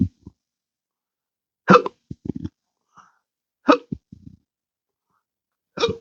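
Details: Intractable hiccups since December 2015, after surgery with nerve damage (pudendal nerve injection, phrenic and vagus involvement): sharp, sudden gulping hiccups about every two seconds, with short throaty noises between.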